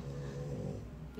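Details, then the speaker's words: Snoring from an animal lying under the speaker's feet, heard in the background of a livestream; snoring. "pardon suara ngorok ya santosoida bisa dengar loh ya dia di bawah kakiku dia ngorok-ngorok"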